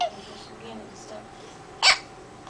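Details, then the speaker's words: Baby boy's hiccups: a single sharp, abrupt infant hiccup in an otherwise quiet room. "Say hi to Grandma with your little hiccups. Hey, Grandma. We got the hiccups. Poor little guy."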